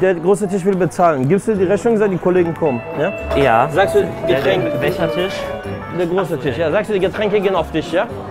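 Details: Adult speaker, German, with background music; ordinary speech.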